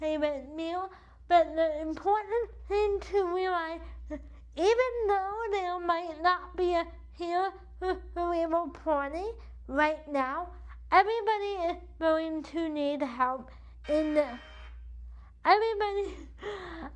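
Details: Adult woman with cerebral palsy affecting the right side of her body, with a weak right arm; she uses a wheelchair and says CP affects how she talks and moves. Dysarthria (cerebral palsy).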